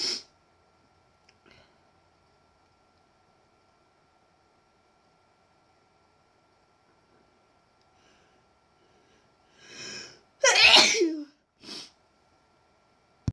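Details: Deliberately induced sneeze: after a long near-silence, a quick inward breath, then a sharp, forceful sneeze followed by a short breathy sound.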